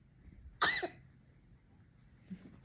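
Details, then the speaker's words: Baby with hiccups, being told it'll fall off, gives a single short, sharp infant cough, then a faint soft catch in a quiet room; cough. "边打嗝边咳嗽，又要掉下去了呀！"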